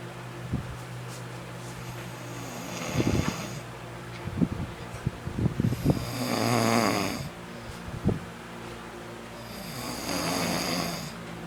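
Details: Loud, rough snores with each breath in, about three, with snorting catches between them; snoring.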